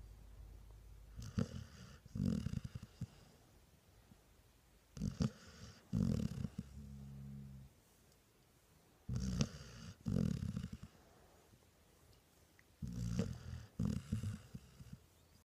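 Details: Sleeping English Springer Spaniel dog, rhythmic rattling snores, about 16 breaths a minute, with quiet pauses between; snoring.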